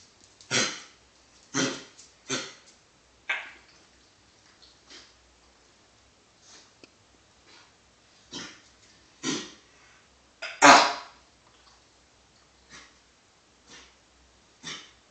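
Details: A dog is still coughing, with repeated short, harsh coughs, gagging and throat-clearing sounds in a quiet room; cough.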